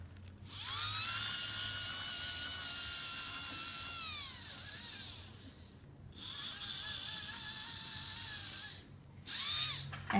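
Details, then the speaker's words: Dental polishing with prophy paste after scaling: steady high whine of a slow-speed handpiece in several passes, pitch dropping as it loads on the teeth. "polishing I feel like if you do a really good job with your scaling you don't have to do a ton of marginal polishing"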